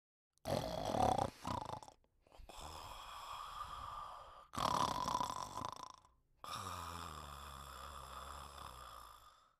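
Long, rough, buzzing breaths separated by short pauses, one with a fluttering tone. Snoring.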